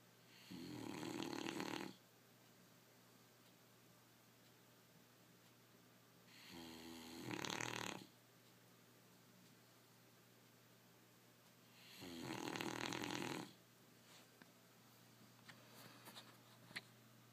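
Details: Three loud, rattling snores roughly every five to six seconds with quiet between them; the owner wonders whether it is tooting or snoring. Plain snoring.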